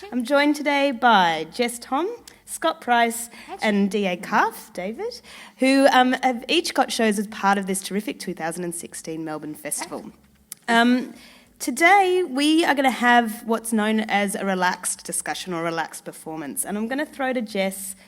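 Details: Adult woman speaking; Normal fluent speech.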